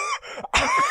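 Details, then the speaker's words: Adult imitating a dry cough in a joke about coronavirus symptoms: two short, harsh, dry cough bursts with no wet rattle. "The driest cough you've ever heard. Well, but anyway, because that's the main symptom of coronavirus, right? That dry cough, I guess."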